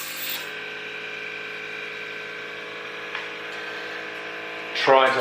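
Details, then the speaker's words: Cavitron ultrasonic dental scaler, set fairly high with a good water spray, running during a dental surgery aerosol settling test: a steady high hiss and whine with water spray. "so next one then next bit of kitsch is the caveat Ron again I'm gonna set this fairly high so that we get a walk to miss that turn it on so you can see here we got a fairly good water spray going here"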